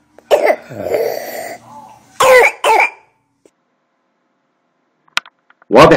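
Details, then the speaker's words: Harsh, hoarse barking coughs with noisy indrawn breath between: brassy, metallic cough of croup in a child, indicating extrathoracic upper airway obstruction. "واضح يا جماعة صوت البريسي كاف very characteristic، على طول عرفت ان حالتي كروب بمجرد ان انا اسمع."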